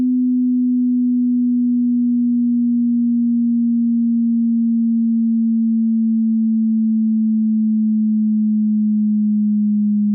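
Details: Hearing test, high-to-low: steady pure tone held about ten seconds, falling very slightly in pitch; low segment of the sweep.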